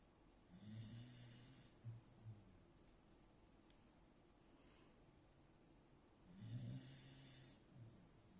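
Soft, low fluttering snores on two breaths with small snorts between, over faint room noise; a sleeping dog snoring.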